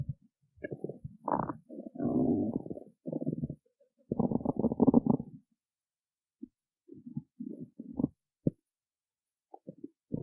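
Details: Stomach growling after skipping breakfast: irregular low gurgling and rumbling bursts separated by gaps of silence, borborygmi from an empty stomach.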